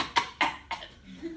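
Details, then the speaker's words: A lecturer imitates a newborn's first coughs right after delivery, as the baby's spine is rubbed and its mouth suctioned: three short, sharp cough bursts, a welcome sign of breathing. "And the nurses suckling the mouth, making sure that everything's out of his mouth, and then the baby starts to cough."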